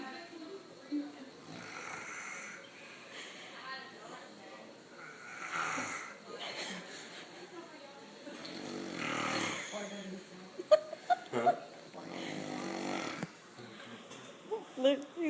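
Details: Man snoring in sleep: rough, rattling snores recurring with each breath, with nearby voices and room noise in the background.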